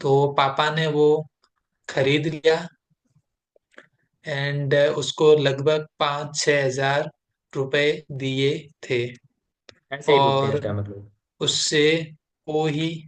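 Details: Client in a stammering therapy session, with difficulty at the start of utterances; stammering.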